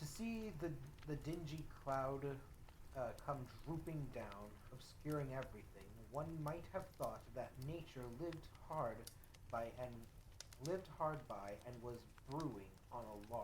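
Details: Adult man, self-described as dyslexic and somewhat stuttery, reading a novel aloud with word and phrase repetitions; reading disfluency.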